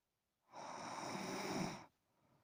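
A single rough, rattling breath sound lasting over a second, fitting one snore.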